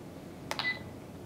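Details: A click and short electronic beep in a quiet room as a Sigma Spectrum infusion pump is programmed for IV alteplase (75 kg weight, rate 60.8 mL/h): keypad confirmation tone.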